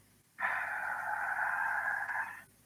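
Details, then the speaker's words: Adult imitating asthmatic breathing in a teaching demonstration: a single breathy expiratory airflow lasting about two seconds, showing prolonged expiration, also seen in COPD, chronic bronchitis and emphysema. "Paciente que ustedes vean que inspira rápido, pero expira lento. Lento. Eso no solamente ocurre en el asma, ocurre también en el EPOC, bronquitis crónica, enfisema."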